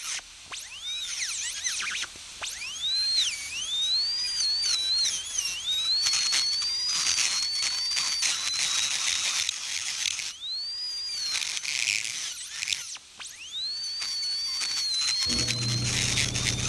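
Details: Dental high-speed air-turbine handpiece with carbide bur used in a home workshop to drill out a small bolt: high-pitched whine rising and falling as it slows under load, light pressure applied.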